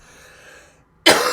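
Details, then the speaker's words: Adult with a long-standing dry cough and a dry throat, coughing during a live stream. "oh there we go a dry throat now but I've always had a dry cough so like I said life goes on"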